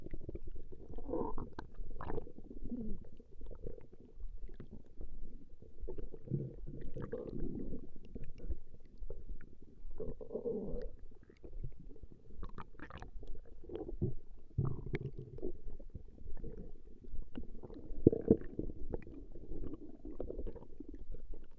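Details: Woman's stomach recorded growling: long, low rumbling and gurgling from the belly with irregular bursts throughout; ordinary stomach growling (borborygmi).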